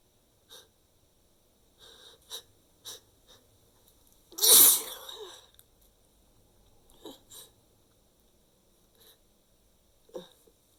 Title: a few sick sneezes